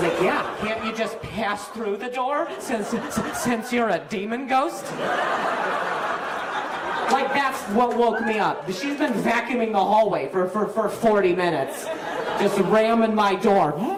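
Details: Male stand-up comedian whose stutter was acquired at age 20, appearing the day after a softball hit his throat (minor vocal contusion, major concussion); no stutter in childhood; stuttering.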